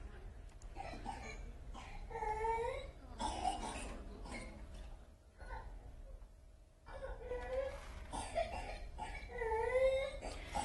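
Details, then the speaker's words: Young child with pertussis (whooping cough): short coughing bursts followed by high, drawn-out crowing inspiratory whoops as she sucks in air; coughing fits can continue until she vomits. "that sound where she's sucking in air that's a characteristic whoop or whooping cough that's how pertussis got the name whooping cough"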